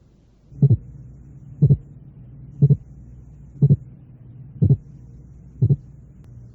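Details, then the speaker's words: Simulated teaching sequence of closely spaced heart sounds, here the final step with an 0.08 s interval between the two components; split heart sound. "finalmente el intervalo de 8 centésimos de"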